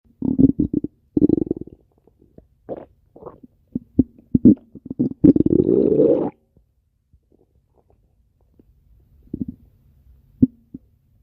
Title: Slushi's stomach growling 2